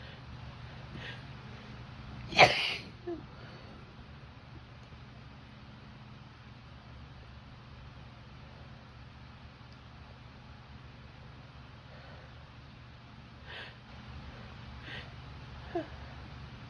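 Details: Woman with grass pollen allergy, her worst, with a tickly nose, itchy throat and runny nose: one forceful sneeze and then softer nasal sounds during a rapid allergic sneezing fit, over a steady low hum.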